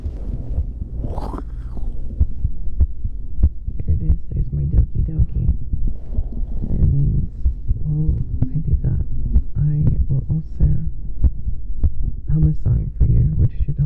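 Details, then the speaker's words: Own heartbeat recorded for ASMR, deliberately muffled: steady heartbeat thuds at about 70 a minute under soft humming, with tummy noises and breathing also audible; a normal heartbeat. "So here, you get to enjoy the sound of my doki doki."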